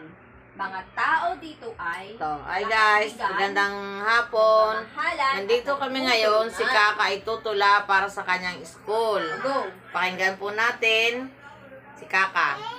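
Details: Adult woman and young child speaking Tagalog; ordinary speech.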